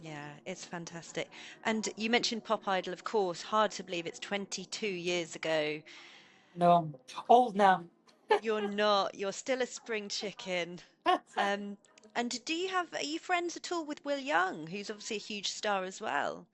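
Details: Adult female interviewer; typical speech.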